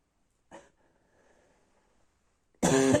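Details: Night-time barking cough: a short throaty sound, then one loud, harsh, honking cough.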